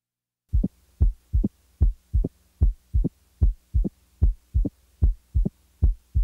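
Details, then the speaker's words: Opening snap recorded at the apex of a patient with mitral stenosis, best heard with the diaphragm pressed firmly: regular heartbeat at about 75 a minute with a sharp, high extra sound just after the second heart sound. "the opening snap is a short high-frequency sound which occurs after the second heart sound in early diastole it usually follows the second sound by about 60 to 100 milliseconds"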